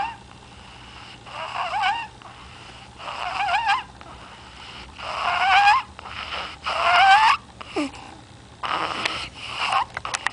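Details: Sleeping baby snoring: repeated high, whistling, squeaky breath sounds, about 38 a minute; noisy snoring breathing.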